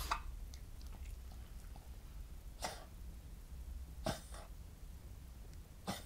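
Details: Cavalier King Charles Spaniel born June 2010 with Chiari-like malformation, hydrocephalus, syringomyelia, partial chordae tendineae rupture with regurgitation, non-cardiogenic pulmonary edema; four short harsh gagging choking-like coughs on waking, present since summer 2016.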